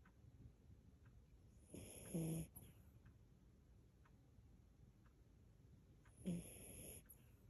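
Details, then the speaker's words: Miniature Pinscher dog asleep: two snorting snores about four seconds apart, roughly 14 breaths a minute, with soft breathing between; snoring with eyes open. "you're snoring with your eyes open"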